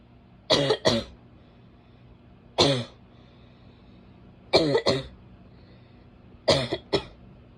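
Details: Female: seven harsh, abrupt barking coughs, mostly in pairs, against quiet room noise.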